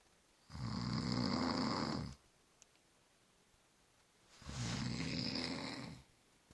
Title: Mother and baby of 2 weeks snoring